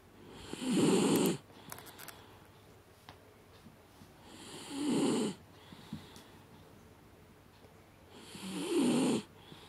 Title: Deaf Snoring Dog - Jack Russell